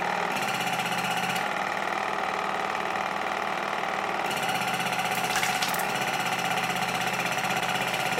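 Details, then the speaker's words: Waterpik WP-100 Ultra dental water flosser in use in the mouth, cleaning interdental spaces and gum pockets at the back teeth: steady buzzing motor hum with rapid pulsing; device only slightly noisy, vibrates a little. "urządzenie nie jest zbyt hałaśliwe No chociaż troszeczkę uczciwie powiem nie słychać"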